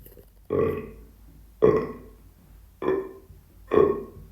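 Four short, deep burps about one second apart, each a low rumbling belch that fades quickly.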